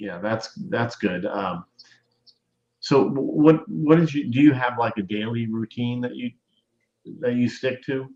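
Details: Adult male speaker; no speech disorder.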